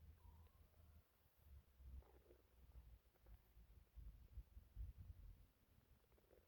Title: small compilation of my stomach making weird noises.